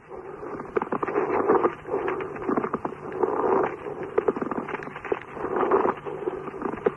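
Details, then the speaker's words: Pleural friction rub heard in dry pleurisy: coarse, grating creaks and crackling in repeated bursts with breathing, likened to falling stones. "Следующий звук - это шумитриния бливри. Мы слышим это при сухом бливрите. Звук похож на падающий камни."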